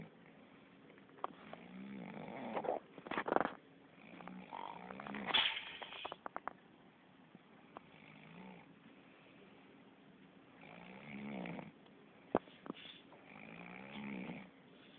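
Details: Ordinary snoring from a sleeping cat: soft, rhythmic snores with a few brief clicks and snorts, about five breaths in fifteen seconds.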